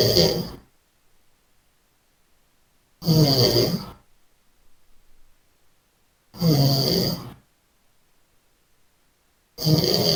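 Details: Loud, harsh snores about every three seconds (roughly 19 a minute) with near silence between; snoring during sleep.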